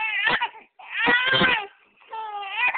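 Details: Infant crying: three bursts of high, tuneful crying separated by brief pauses; the baby stops crying when his nose is touched.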